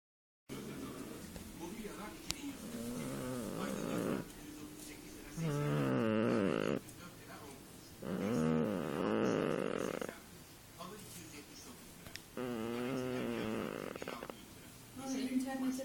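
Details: Sleeping cat clinging to a seat: three loud, rattling, vibrating breaths a few seconds apart, about 17 breaths a minute, with quieter breathing between; snoring.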